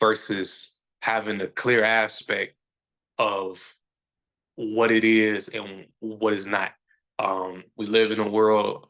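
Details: Adult man who says he stutters, is still sometimes a little insecure about it and years ago felt he had to hide it; stuttering.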